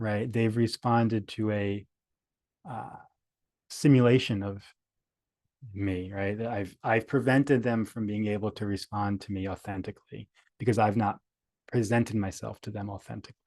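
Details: Adult male speaker; stuttering.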